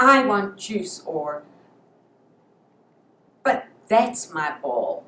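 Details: Imitated stuttering blocks: a speech-language pathologist demonstrates a preschool child getting completely stuck and unable to get a word out.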